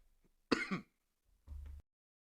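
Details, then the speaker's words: Adult suddenly coughing: a harsh cough-like throat clear followed by a lower, rougher clearing sound. "I'm trying to figure out why I just started coughing all of a sudden, y'all. Where did the cough come from?"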